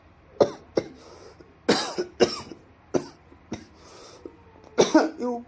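Seven or eight sharp, separate coughs, some in quick pairs, in a quiet room; a repeated dry-sounding cough.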